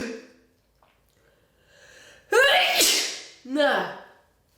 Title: Big cold sneezes